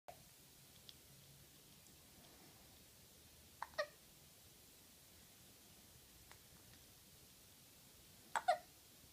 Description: has one enemy and his name is hiccup. Hiccup comes without warning and gives his best shot.